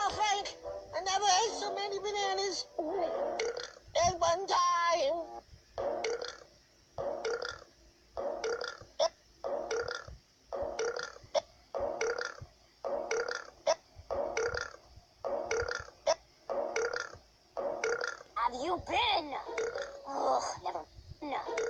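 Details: Burping in three small animals: a long run of small, repeated burps, roughly one a second, with faint voices at the start.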